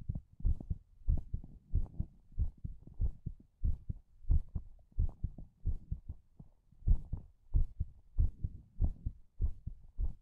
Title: ASMR HEARTBEAT